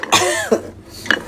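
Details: Single loud, wet cough with a short follow-on sound from an adult with a cold, cough and slight fever attributed to cold, snowy weather after travel to China; cough.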